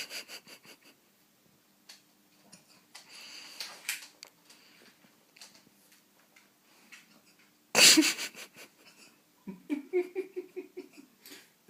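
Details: Alaskan malamute dog with hiccups: repeated short, abrupt catching sounds at irregular intervals with soft breathing between.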